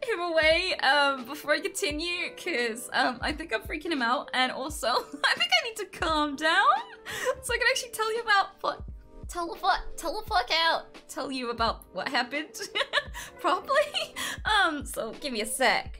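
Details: Female streamer with Tourette syndrome causing involuntary sounds and movements, with self-described quite severe coprolalia; repeated words with involuntary interjections; vocal tics with coprolalia.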